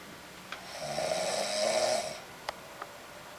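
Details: A single rough, fluttering snore on an in-breath lasting about a second, then quiet room noise and a couple of soft clicks: snoring.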